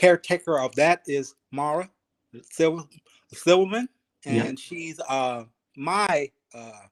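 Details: Aphasia in a 52-year-old male ischemic stroke survivor, speaking 3 years after his stroke; he is still working on his speech, thinking about every word, syllable and cadence.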